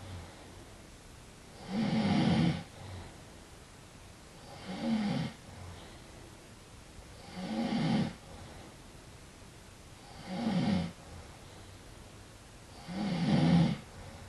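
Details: Man snoring while insisting he is not asleep: loud, rough snores about every 2.8 seconds, roughly 21 breaths a minute, with quiet exhalations between.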